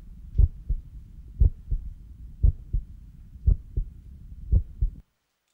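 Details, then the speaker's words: Recording of a normal heartbeat: regular lub-dub at about 58 per minute, with a sharper first sound from mitral and tricuspid closure and a second sound from aortic then pulmonary closure. "The first heart sound is caused by mitral and tricuspid valve closure and is sharper in quality than the second sound, which represents aortic and then pulmonary closure."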